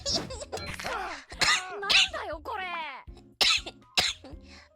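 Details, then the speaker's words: A short run of harsh abrupt coughs from an adult VTuber, over background music: a brief coughing fit. ">> Sorry, man. God damn my throat."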